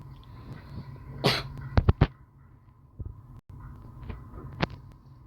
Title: Playing gag! (Dont mind my crusty coughing btw)